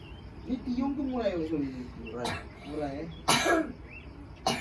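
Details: Child's cough: whiny voicing and fussing, then two short sharp coughs against room noise and background voices.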